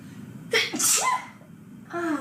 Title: IR Out of This World Sneezing (Teaser)